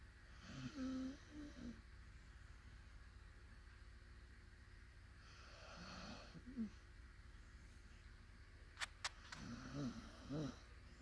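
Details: Sleeping puppy snoring lightly: soft, squeaky, whistling snores recurring every few seconds, with a few faint clicks; light snoring, not a clear wheeze.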